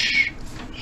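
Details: Child with cleft-related speech disorder (velopharyngeal mislearning errors) in speech therapy for SH; after a cue to feel air leave the mouth, produces oral SH successfully.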